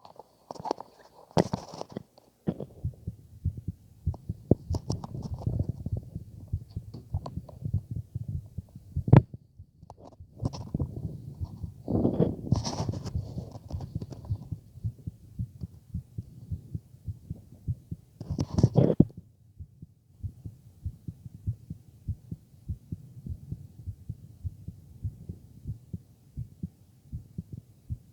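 Soft, regular low heart thumps through a stethoscope with a few louder rubbing bursts; normal heart sounds.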